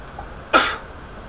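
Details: A single short, sharp sneeze burst.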